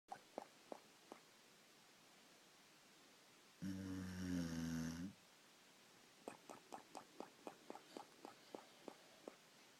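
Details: 3-year-old Boxer dog snoring: one drawn-out buzzing snore, then a run of soft, quick clicking snorts on the breath, against faint room hum.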